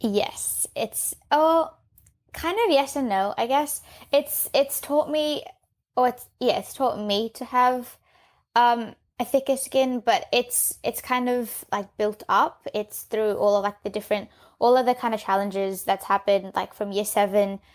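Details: 15-year-old girl who has stuttered since age 3; stuttering.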